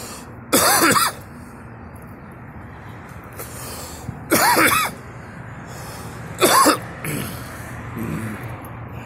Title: me coughing